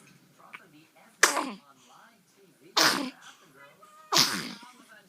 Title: Baby Hiccups